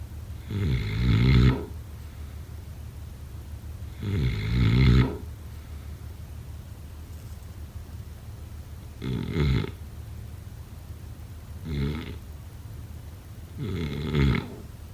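Loud, low rattling snores about every 3 to 4 seconds, some breaths quieter; typical snoring during sleep.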